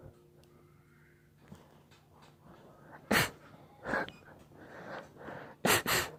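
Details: Three short, sharp sneezes in a quiet room, one followed by a quick pair; sneezing.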